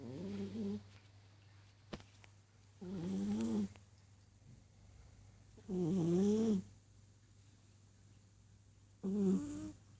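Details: Sleeping Persian cat snoring: rhythmic, pitched, rattling snores about every three seconds, roughly 20 a minute, over a steady low hum.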